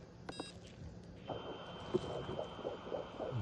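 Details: Pregnant ewe at about two months (roughly 55–60 days) on ultrasound: rapid, regular whooshing pulses of a clear, normal fetal lamb heartbeat.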